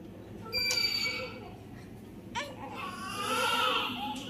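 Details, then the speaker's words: Healthy 4.7 kg newborn just delivered in hospital: short, high-pitched cries with quiet gaps and room noise while an adult says "wake up, don't cry"; a normal newborn cry. "उठ जा उठ जा उठ जा, रो नहीं रो नहीं रो नहीं, hello बोल दो, हेलो बोल दो।"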